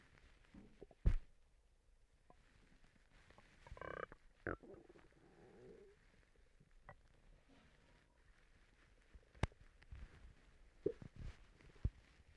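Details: Stomach rumbling (borborygmi) from a person recently sick and vomiting: sparse low gurgles, a short croaking rumble and a few soft pops in a quiet room.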